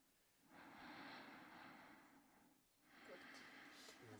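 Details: Snoring during sleep in bed: two long, rough, noisy yet soft, airy breaths in a row.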